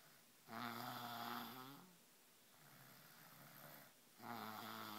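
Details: 3-year-old girl snoring loudly: buzzing, droning inhalations with softer breathy exhales, repeating in cycles in a quiet room; snoring.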